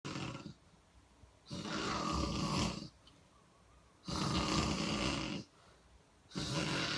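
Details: Snoring.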